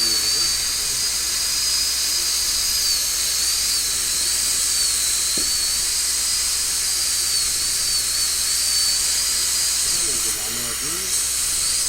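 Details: High-speed handpiece with a relatively large diamond point reducing the incisal two-thirds of the labial surface of a maxillary central incisor by a uniform 1.2 mm, all-ceramic crown abutment preparation in a student lab: steady high-pitched whine with hiss.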